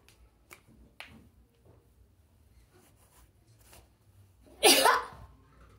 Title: Tickle sneezes Africa 🌍.